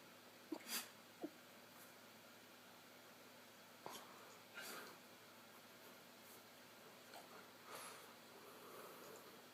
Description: My pup couldn't start sneezing so much poor thing. Dog sneezes r so much funnier than humans.